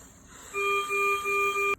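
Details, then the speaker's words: Servo U ventilator medium-priority alarm (yellow), e.g. for a leak: repeating mid-pitched electronic tones in a group of short beeps over background hum. "The 3 in the yellow is like, say if we had a leak."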